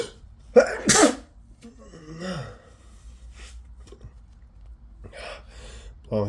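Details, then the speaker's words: Male with a cold who has been sneezing all day: two loud, wet sneezes close together, then sniffing and a short breathy sound, during a rapid sneezing fit. "bless me I can't I can't stop sneezing so wet yeah oh my God I'm just so sick I've been sneezing all day"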